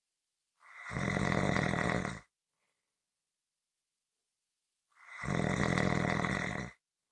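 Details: Two loud, rough, rattling snores about four seconds apart, each lasting over a second; ordinary heavy snoring.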